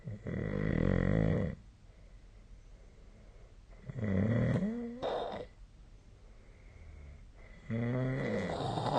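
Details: Nightly sleep recording of snoring, possibly made with a snore-tracking app: three loud, rough, low rumbling noises on inspiration about every four seconds, quiet room between.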